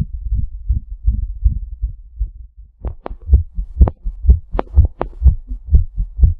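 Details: Regular low thumping heartbeats at about 125 a minute, recorded from the chest around a hot shower; a fast heart rate attributed to the hot water.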